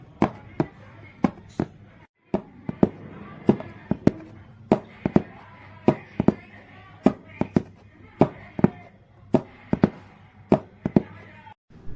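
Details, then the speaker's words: Simulated normal heart sounds with split second sound, made by tapping a cardboard box: paired lub-dub knocks about 55 a minute, with S2 splitting. "heart sounds and murmurs were produced with the cardboard box normal heart sounds and S2"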